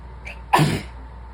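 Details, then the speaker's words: Sneeze from someone sick: a brief quiet intake of breath, then one sharp explosive sneeze. "Bless you, baby. Sneezy little bean."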